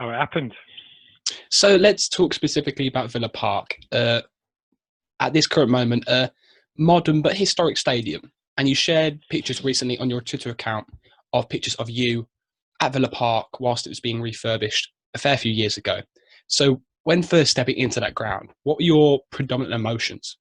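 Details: Adult male speaker; typical speech.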